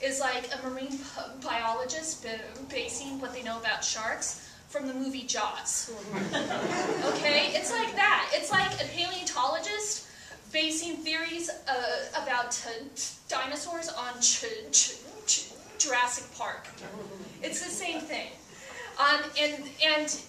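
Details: Adult woman who stutters, a stand-up comedian, performing a comedy piece about her stuttering; stuttering.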